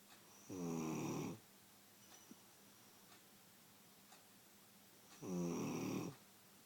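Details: Beagle snoring in sleep: two loud, rough, rattling snores about 4.7 seconds apart with quiet breathing between them; owner says it is not as loud as it can get.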